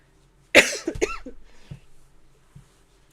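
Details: Cough from a livestreamer who says they sound sick, with a nasal-sounding voice.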